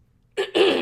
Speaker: like my sip didn't quite help, hold on. Yeah, I didn't edit it out. You can hear me cough a little.